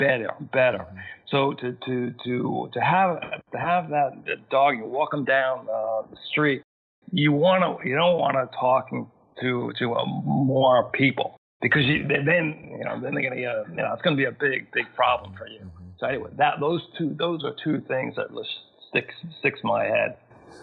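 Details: Adult male, massive stroke at age 41 causing global aphasia with lost speech and comprehension, 13 years post-onset, still needs extra time to process sentences and find words: aphasia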